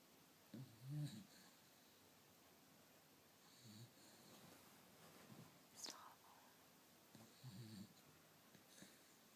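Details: Bichon dog snoring while asleep: quiet, low rumbling snores in about four separate bursts with soft hissing in between.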